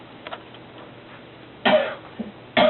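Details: Father gives two harsh, abrupt cough bursts in a quiet room, the second cut off; a plain adult cough.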